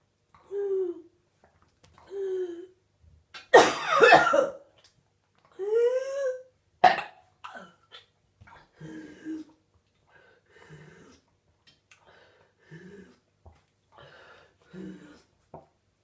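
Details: 32-year-old woman in week 5 of whooping cough (pertussis): harsh coughing with high-pitched, rising inspiratory whoops between bouts.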